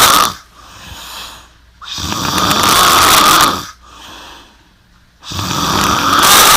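Very loud, harsh, rattling snores on each breath, roughly 19 breaths a minute, with quieter pauses between; heavy snoring from airway vibration during sleep.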